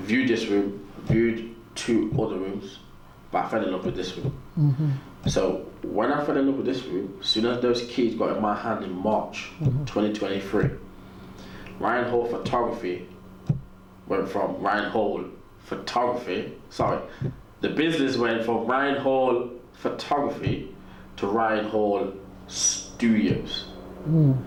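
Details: Adult man with a natural stutter he has accepted and learned to live with; stuttering.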